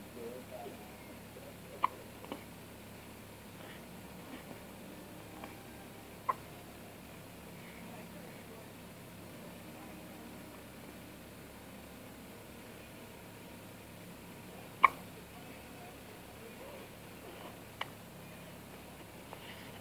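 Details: Faint, sharp little clicks at irregular intervals in a quiet room, about six in twenty seconds, likely from a cat; hiccups.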